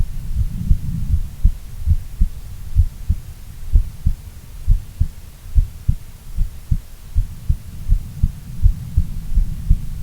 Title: Female Heartbeat Sound - Long File